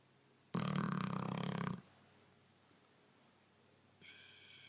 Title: Neapolitan Mastiff, Angus snoring